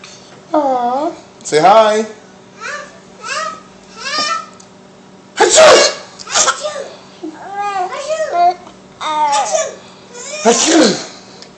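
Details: Baby laughing at her father and sister sneezing: two loud, explosive sneezes, each followed by the baby's giggling and babbling; sneezing.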